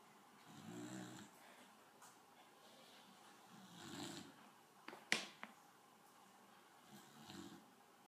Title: Sweet snoring!!! 😴😴😴